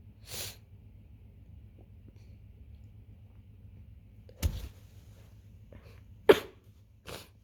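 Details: Adult in the early stages of a cold, with a runny nose after drinking tea: four brief, sharp sniffles and short coughs.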